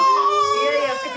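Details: Baby's pain cry right after ear piercing with a piercing gun: loud, high-pitched sustained wail with strained, rising tone after the piercing.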